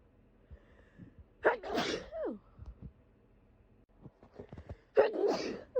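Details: Adult sick with COVID, first thought to be flu: two forceful sneezes a few seconds apart, each a sharp in-breath then explosive burst, with sniffing between; sneezing.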